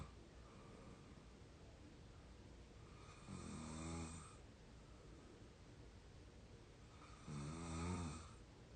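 Two low, rattling snores on the in-breath, about 15 a minute, over steady room hiss; ordinary snoring in deep sleep.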